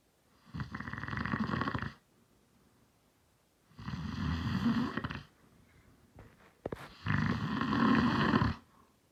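Three loud, harsh, rumbling snores with quiet pauses between them, about 20 breaths a minute; a few small clicks in one pause.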